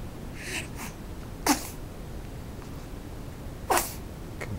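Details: Three-week-old: two short, sharp sneezes about two seconds apart, with softer snuffles before them, over steady background hiss; sneezing.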